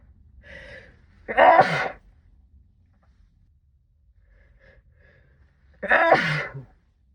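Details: Two muffled sneezes into a sleeve, each preceded by a quick in-breath and several seconds apart, part of a sixteen-minute sneezing fit brought on by cold weather; sneezing.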